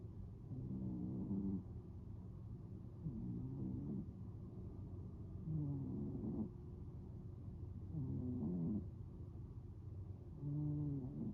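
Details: Snoring during sleep: soft, low snores with a faint whistling tone on each breath, about 26 breaths a minute, over steady room hum.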